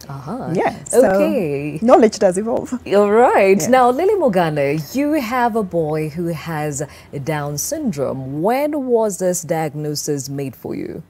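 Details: Adult woman speaking; typical speech.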